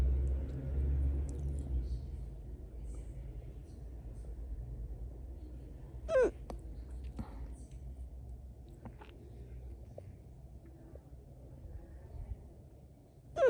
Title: #hiccups